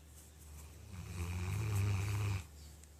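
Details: 13-year-old Golden Retriever snoring: one low, rumbling, vibrating snore about 1.5 seconds, quiet breathing before and after; snoring.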